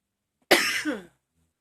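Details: Persistent coughing fit: a single harsh, forceful cough burst within a prolonged, never-ending fit of coughing that the person says they can't stop.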